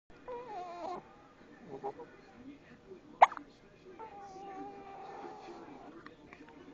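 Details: One sharp, sudden hiccup amid soft voices and quiet room noise, with someone being told they have the hiccups and reassured; hiccups.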